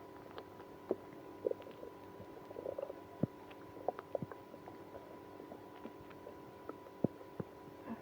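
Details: Stomach growling in a person with irritable bowel syndrome after drinking milk and prune juice. Scattered gurgles and brief squelching pops over a steady low hum: active bowel sounds, borborygmi.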